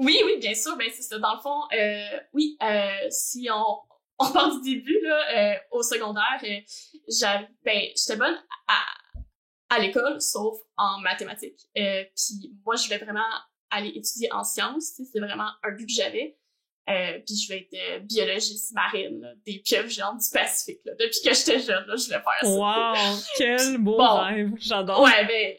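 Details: Adult woman who stutters, also has ADHD, and has undergone speech-language therapy; stuttering.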